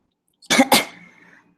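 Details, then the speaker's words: Cough with wheezing from an adult speaker attributing it to seasonal allergies combined with exercise-induced asthma; one short double-burst cough with a brief airy tail. "however there's only one me and right now as you can hear me coughing and wheezing um this cocktail of seasonal allergies and exercise indu induced asthma um it's really taking a toll"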